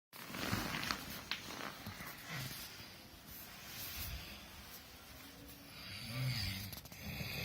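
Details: Snoring during sleep, recorded February 2018: rough, rattling snore with snorting sounds over a noisy background.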